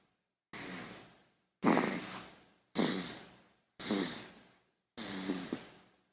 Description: Sound of a baby snoring